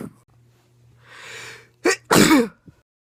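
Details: Self-recorded bout of sneezing lasting about a minute, not pepper-induced: a quick indrawn breath, then a sharp, forceful explosive sneeze. Sneezing.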